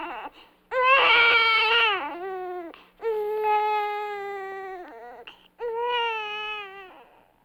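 Loud, sustained wailing cries in long bursts with brief catch-breaths between them; typical infant crying.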